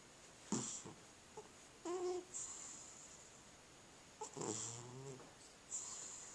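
Irregular, soft breathing sounds with a rattling, whistling edge in a quiet room: snoring during sleep.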